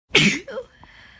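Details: Person with a cold: one loud, wet, explosive sneeze with a short trailing exhale; a single sneeze.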